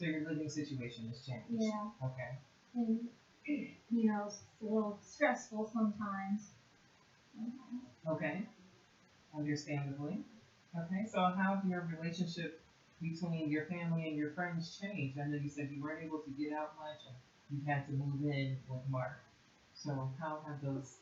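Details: Adult clinician speaking in a small room; typical speech.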